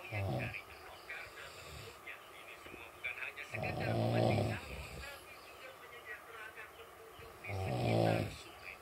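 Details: Heavy snoring, loud and rough, about every four seconds over background chatter and room noise, in a loudness comparison of two snorers.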